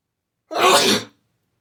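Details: A single loud, explosive sneeze lasting about half a second.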